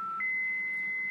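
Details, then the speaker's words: A Philips MRx defibrillator in manual mode charging to 150 joules (biphasic) for a simulated patient in ventricular fibrillation: a steady electronic tone steps up to a higher continuous pitch before the shock. "we've already turned it to 150 we press charge"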